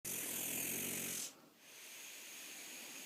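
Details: One long, harsh, hissing snore on a breath, followed by quieter breathing and room noise; the recorder's own sinus breathing may be heard in the background; snoring.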